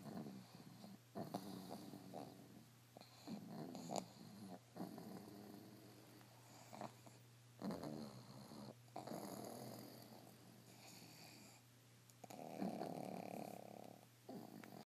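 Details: Sleeping pugs snoring loudly, with uneven snorting and rattling breath noises over a steady low hum.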